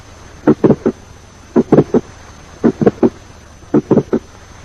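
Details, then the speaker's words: Teaching recording: two clicks in systole, following mid-systolic click examples that may be accompanied by late systolic mitral regurgitation: multiple systolic clicks. "Sometimes there may be more than one clicks in the systole. Note the two clicks in systole."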